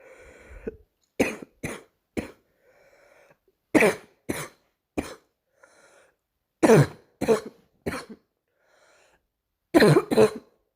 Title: another morning cough